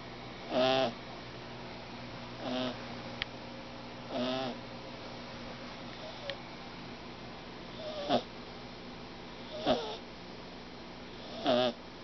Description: This is my kitten Snoring. He has a crazy snor for such a little fellow.